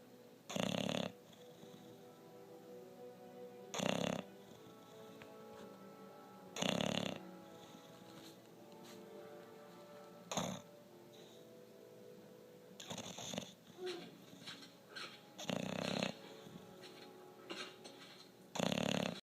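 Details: English bulldog napping on a couch, snoring loudly: harsh, irregular snoring bursts about every three seconds, faint background music.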